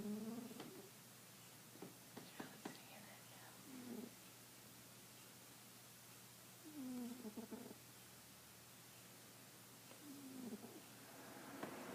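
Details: Blue cat quietly snoring while asleep, soft faintly whistling snores about every three to four seconds with small clicks between.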